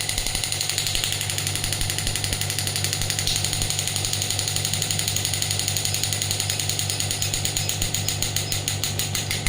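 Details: Biotronix pneumatic shockwave (ESWT) applicator firing at 12 bar, frequency being lowered from 22 Hz, hand removed: fast, steady run of sharp clicking pulses over a low motor hum.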